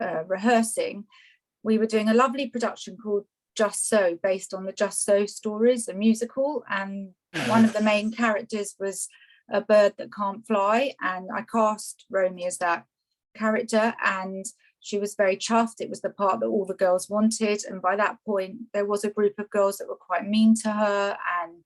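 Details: Adult woman speaking; Ordinary fluent speech.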